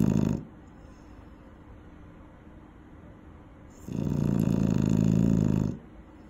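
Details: Loud snoring sound from an eight-month-old female dog sleeping near a safety barrier: long, loud, rumbling snores separated by quiet breathing out; ordinary snoring.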